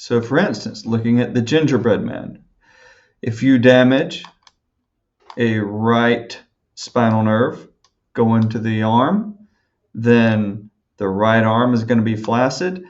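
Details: Adult male speaker; normal speech.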